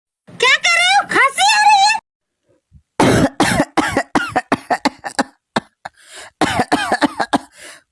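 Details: Acted cough for a comedy skit: a drawn-out voiced groan, then a rapid run of short, forced coughs.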